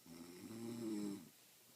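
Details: A friend who insists she doesn't snore, recorded asleep: a single low, buzzing snore lasting about a second, rising and fading on one breath, in a quiet room. Snoring.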